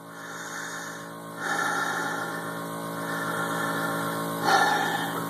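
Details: Jet nebulizer compressor running with about 2 cc sterile saline and no albuterol, during demonstrated full breaths through the mouthpiece: steady mechanical hum with faint hiss and louder hissing surges that may be breaths.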